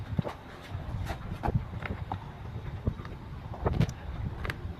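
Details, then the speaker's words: Mother's knee crepitus, cracking on moving and sitting: scattered sharp clicks and pops over low rumbling handling noise. "แม่เป็นอะไรบ้างนะตรงเขาก๊อปแก๊บมันก๊อปแก๊บไหนมันดังก๊อบแก๊บไปไหนลองดู"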